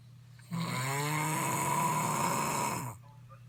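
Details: One long, loud, rattling snore on a breath in, lasting over two seconds, in a quiet room: loud snoring.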